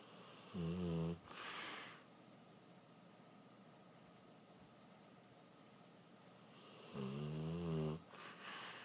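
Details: Two loud, low, rattling snores on breathing in, each followed by a softer breath out, from a dog sleeping soundly; snoring.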